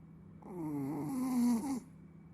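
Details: A single drawn-out, tonal, groaning snore lasting over a second from a Chihuahua: snoring.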